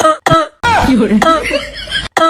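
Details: Exaggerated, voiced coughing bursts, acted for a comedy sketch rather than a genuine illness cough; an acted cough.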